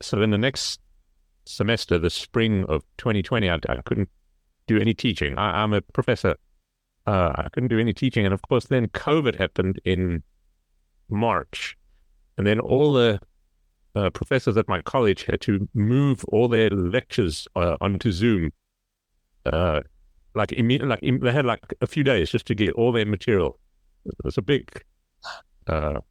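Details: Aphasia in a professor after a stroke in November 2019, who was receiving speech therapy; speech with hesitations and repetitions.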